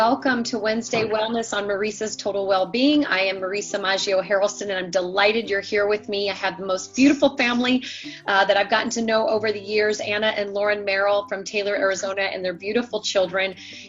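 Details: Adult woman, host; normal speech.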